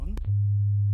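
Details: Steady low pure tone after a brief voice fragment, the start of a rising-frequency hearing self-test in a TV segment on age-related (presbycusis) hearing loss; low-frequency hearing test tone.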